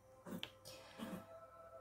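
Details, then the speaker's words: Sneeze from a cat in the background: two faint, quick bursts of air over soft music. "Oh, j'ai le chat qui éternue derrière. Je ne sais pas si vous avez entendu."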